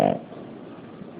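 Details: Brief soft snorting snore from a napping 3.5-month-old infant girl, then quiet room noise with faint television in the background; infant snoring.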